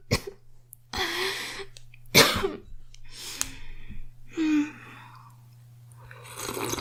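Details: A girl gives several harsh, forceful coughs, separated by brief pauses and breaths.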